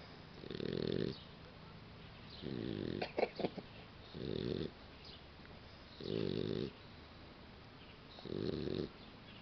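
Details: Boxer puppy snoring: rough, rattling snores roughly every two seconds, about 28 breaths a minute.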